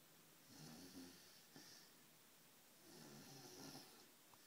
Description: English Mastiff Puppy Snoring as Chihuahua tries to sleep next to him.